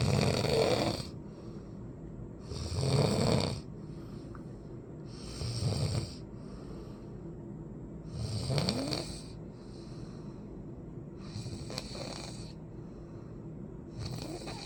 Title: Me Snoring 5